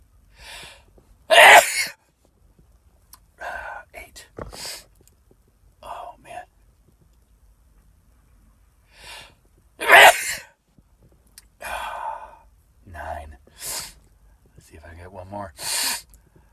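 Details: Adult sneezing after sniffing cayenne pepper off a Q-tip, among nine induced sneezes: two loud explosive sneezes with gasping breaths and quiet moans between them.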